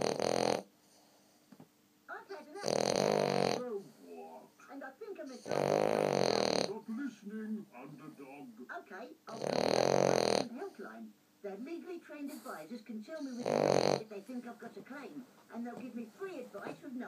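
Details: French bulldog snoring nightly, very loud: loud rasping snores recurring about every four seconds, with quieter snuffling and grunting between them; ordinary snoring.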